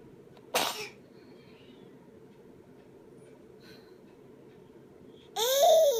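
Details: 9-month-old baby boy sneezing while having lunch: a single sharp burst of air, followed a few seconds later by a brief vocal sound; sneeze.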